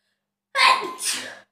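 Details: A single two-part 'ah-choo' sneeze, a sharp hissing blast of air about a second long, self-induced during a sneezing challenge; sneeze.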